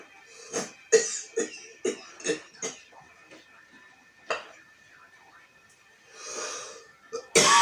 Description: 48 years old man coughing in the morning from smoke #cough #coughing #smoke #smokercough